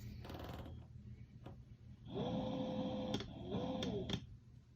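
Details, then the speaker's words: ResMed Astral ventilator set up with a single-limb circuit: two steady machine tones with airflow hiss and clicks during the circuit compliance test, with the circuit end blocked by hand. "Now we're on to step 3, which is a compliance test, and I can just block the end of the circuit with my hand here and hit continue."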